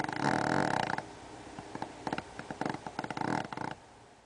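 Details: A Pomeranian rescue dog snoring, with rough, rattling snores and fluttering bursts between breaths in a quiet room.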